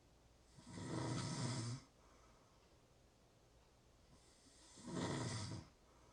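Two rough, rattling snores on breathing in, about four seconds apart, roughly 15 breaths a minute; typical snoring.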